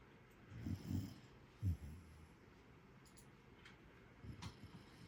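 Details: Sleeping Jackador puppy snoring: faint, low, rumbling snorts in a few irregular bursts, a soft snore heard over quiet room noise.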